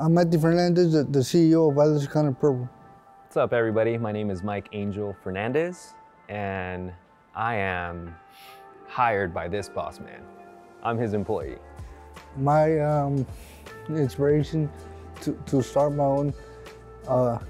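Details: Adult man; ordinary speech.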